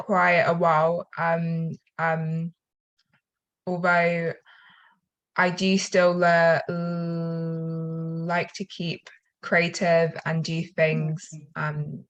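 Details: Self-reported stutter in a female attendee who attended weekend acting schools; slow speech with long pauses; stuttering.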